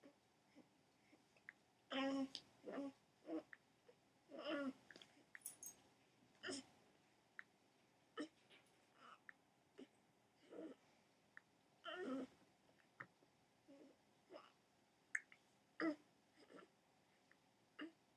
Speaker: Are you gonna hiccup yourself to sleep?